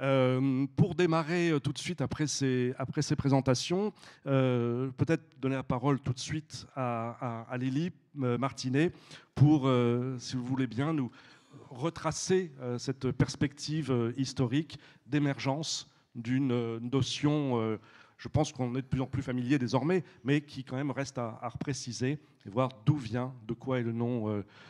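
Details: Adult man, French; Normal speech.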